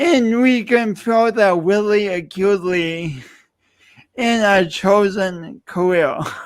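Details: Adult male speaker; speech impediment.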